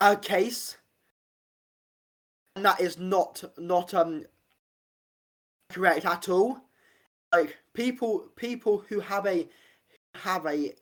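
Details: Adult man with a real stammer since about age five; stuttering.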